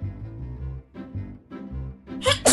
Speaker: I sneez at the weirdest time I like muted myself to sneeze